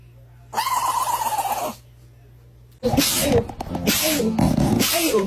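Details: Sneezing in a dog: one loud, snort-like sneeze, then a burst of rapid, sharp nasal sneezes in quick succession.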